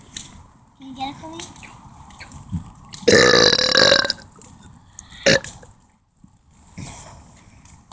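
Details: Person giving a loud, drawn-out burp of about one second followed by a shorter one, amid quiet background chatter; burping.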